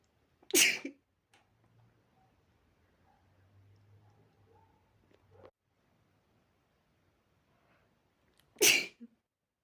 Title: spray sneezes caused by dust